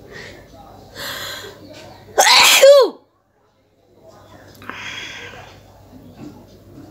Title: Nose blowing and sneezing with the amount of snot collected(requested video)